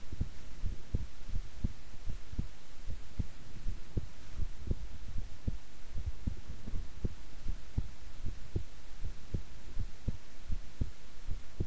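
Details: Own heartbeat recorded at length while staying still and relaxed: steady, soft low thumps of a normal resting heartbeat, roughly 60–70 beats a minute, under a faint hum.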